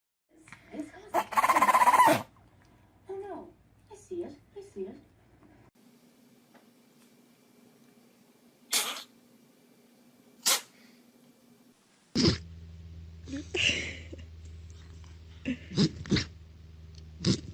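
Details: Sneezing compilation of cats and dogs: several short, sharp sneeze bursts from small pets, separated by quiet gaps over a steady background hum.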